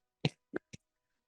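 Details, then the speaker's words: Adult female podcast host's chronic cough, which she says she hopes to get sorted: three short dry coughs in quick succession, each softer than the last. "if you're just tuning in to this podcast you will hear that I have a chronic off which hopefully in 2024 I'm going to get situated"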